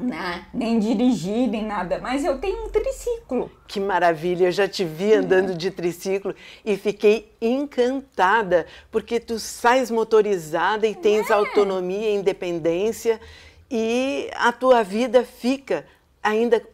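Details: Two adult women in conversation; conversational speech.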